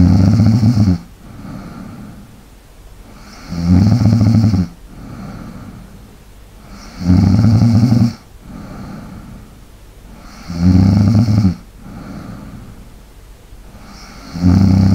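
Loud, regular rattling snores about every 3.5 seconds, around 17 a minute, alternating with softer breathing.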